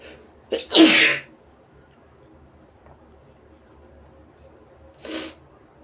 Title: Sneezes & Noseblows